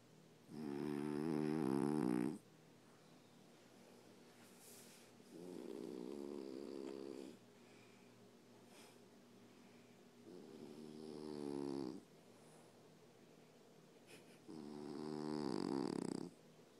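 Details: Snoring: four slow, rattling inhaled snores with quiet pauses between, about 14 breaths a minute.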